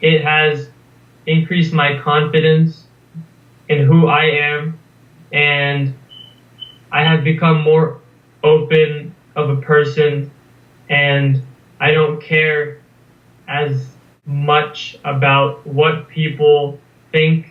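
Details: Stuttering (stammering) in a 19-year-old male US college student reading a passage aloud. He has stammered as long as he remembers, and the problems reportedly began at age 8 after adenoid removal. His blocks occur mostly on m and b sounds.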